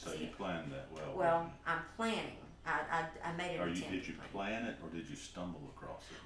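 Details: Stuttering in an adult man who was a profuse stutterer as a child and adolescent and still stutters.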